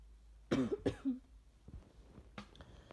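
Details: Adult ill, throat sore from repeatedly inducing sneezes, gives a short burst of two or three coughs then quieter throat noises in a small room; cough during illness.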